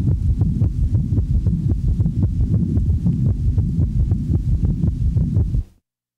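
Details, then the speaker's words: Rapid, low-pitched heart sounds with an added third sound after S2 in early diastole, giving three sounds per cycle; S3 gallop in a patient with congestive heart failure and rapid heart rate. "the following example demonstrates an s3 in a patient manifesting congestive heart failure since the heart rate is rapid one of the first compensatory mechanisms of failure one has the impression that there are three sounds with each cardiac cycle"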